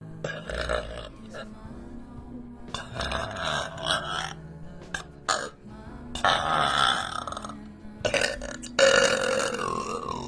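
A run of long, loud, voiced belches, some drawn out, with soft music in the background. Deliberate burping.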